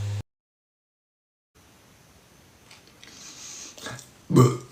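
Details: Adult man during a live stream, who mentions kiwi: faint room noise, then a single loud, low burp near the end.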